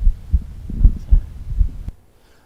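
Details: Decreased first heart sound, from a stethoscope chest recording played through a speaker.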